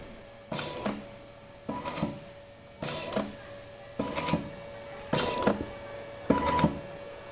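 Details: Low-cost portable mechanical ventilator built for COVID-19 operating: regular mechanical whirring bursts with a faint hum and clicks, cycling about 51 times a minute.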